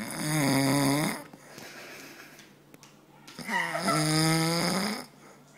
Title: *MUST WATCH* dad snoring! Really funny!